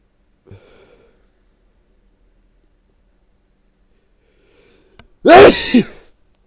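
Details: Person with a leaky nose in spring: a soft breath in, a pause, then a short inhale and one loud explosive voiced sneeze; single ordinary sneeze.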